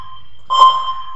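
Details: Steady electronic tone with one sharper beep from a bedside cardiac monitor measuring heart rate, pulse, SpO2 and BP; a normal device signal.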